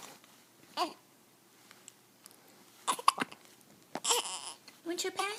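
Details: Newborn baby boy, 6 days old, with hiccups: several brief sharp catches in a cluster, with soft baby vocal sounds between.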